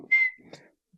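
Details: Involuntary whistling vocal tic in an adult man, about 32, with Tourette syndrome acquired in his mid-20s after a brain injury; he also has swearing tics.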